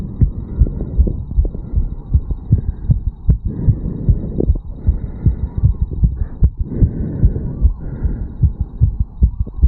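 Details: 34-year-old male after a quick morning jog, stethoscope at the mitral area: rapid, steady, forceful low thumping heart sounds with a faint hum beneath; fast heartbeat after exercise.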